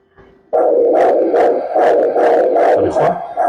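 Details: Maternal-fetal Doppler ultrasound, vessel aligned parallel with 1 mm sample gate while mother holds her breath: rhythmic pulsing whoosh at about 145 a minute, a normal fetal middle cerebral artery Doppler signal.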